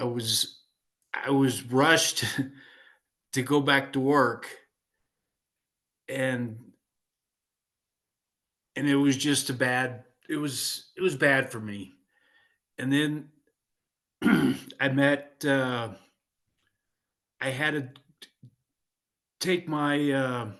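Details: Aphasia in a 56-year-old man following a stroke in 2016, with hesitations and self-corrections.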